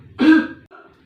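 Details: Effective cough procedure demonstrated in nursing training on an adult male patient: after a slow deep breath is held, one forceful, throaty cough burst to clear sputum, then a softer exhalation; effective (huff) cough.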